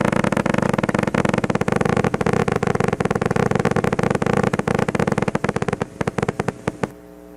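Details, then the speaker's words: Needle EMG: rapid, regular crackling pops from a single motor unit firing above 20 Hz, shortest interspike interval about 10 ms, indicating severely reduced recruitment. "it's above 20 yeah I guess that's all you really need if it's 20 plus then you know it's severely reduced"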